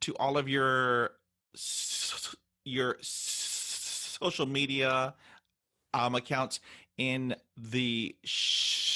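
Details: Speech of an adult woman who stutters, reporting that stuttering affected her job search and interviews. Finding: stuttering.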